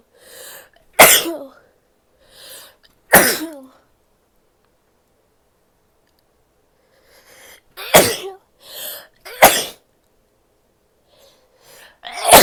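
Four sharp, explosive sneezes, each preceded by a short inward breath, with quieter nose or throat sounds between them.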